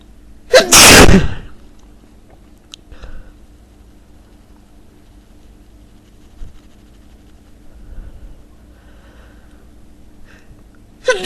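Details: One loud, forceful sneeze with a sharp burst of air, then quiet room noise and a faint start of another sound; sneezing.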